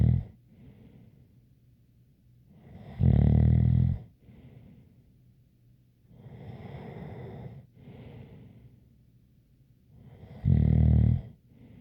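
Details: Loud rasping snores on the in-breath every few seconds, with softer breathing between and a faint whistle; snoring during sleep.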